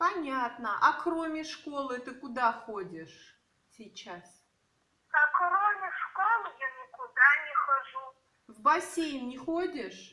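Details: Adult and child in conversation; no speech disorder.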